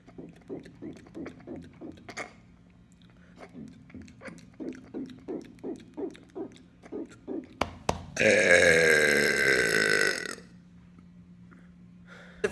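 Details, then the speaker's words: Man doing deliberate burping in a hotel: a run of short rhythmic throaty pulses, then one long, loud, sustained belch lasting about two seconds. "today I'm doing Hotel burping here's another one"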